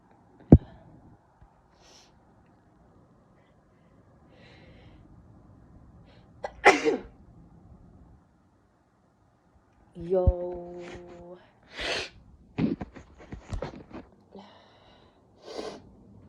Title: How to sneeze nonstop! (Part21)